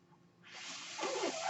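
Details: Mechanical ventilator noise heard during a podcast recording by its user: a mechanical ventilator breath cycle.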